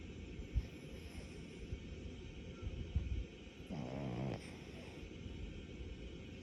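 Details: Sleeping pet: a single rattling, fluttering snore over steady background noise; snoring.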